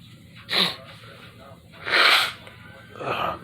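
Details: Three forceful, breathy sneezes about a second apart in a bedroom, attributed to allergies; repeated sneezing.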